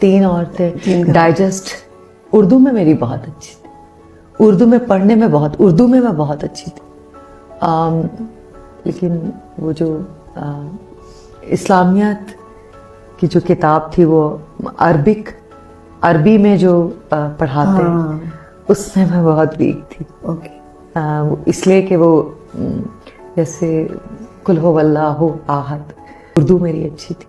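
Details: Woman guest who understands questions but struggles to answer, with word-finding difficulty, attributed by a clinician to Broca's aphasia (expressive aphasia).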